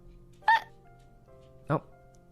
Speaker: saikuno says bless you when hiccups